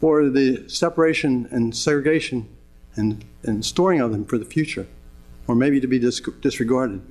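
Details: 66-year-old man with Parkinson's disease diagnosed in 1994, 12 years earlier, described as end-stage with drug therapies becoming less effective; Parkinsonian speech (hypokinetic dysarthria).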